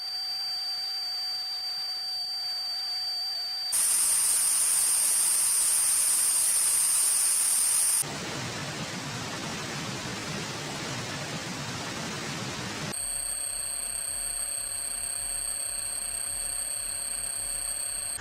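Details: Simulated tinnitus sound test: steady high-pitched hiss and whine segments with bands of broad static-like noise, demonstrating what tinnitus sounds like.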